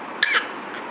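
A single short, sharp cough burst from a child, lasting about a fifth of a second, over steady room noise.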